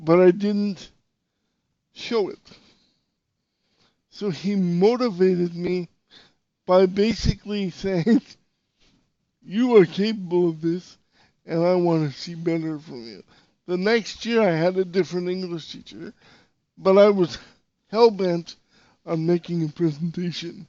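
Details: Dysarthria in a podcast host with severe cerebral palsy, who says he sounded different when he spoke and would sometimes get really tense; real speech, not acted.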